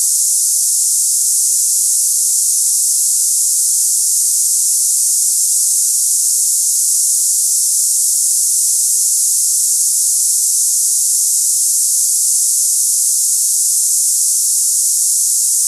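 Steady high-pitched hissing without pauses, a simulation of cicada-like tinnitus.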